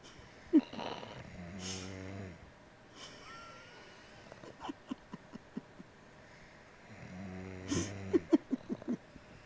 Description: Funny bostonterrier and boyfriend sleeping and snoring. Together!!!!